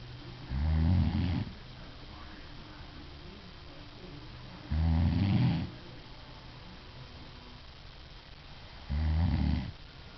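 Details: Sleeping adult woman, filmed by her husband, with low rattling snores on each breath in at about 14 breaths a minute and quiet pauses between; snoring.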